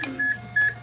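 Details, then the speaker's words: Synchronized cardioversion for a tachyarrhythmia (called atrial flutter, though the rhythm looks irregular): two short high-pitched beeps from a defibrillator monitor in synchronized mode as the 100-joule shock is delivered timed to the heartbeat. "100 joules. Sincronizou em 100 joules."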